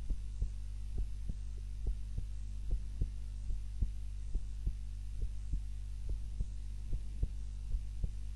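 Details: Normal resting heart sounds recorded during the recorder's own nap with a timer, lying supine (usually prone), steady paired lub-dub beats about 70 a minute over a low constant hum.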